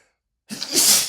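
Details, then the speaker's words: Man's single forceful, hissing sneeze after brief silence, part of a persistent sneezing fit triggered by black pepper while cooking; he says any spice touching his nose makes him sneeze instantly, nostrils flaring. "If the slightest bit of pepper or any spice, actually, spices in general touch my nose, I instantly start sneezing and my nostrils flare up."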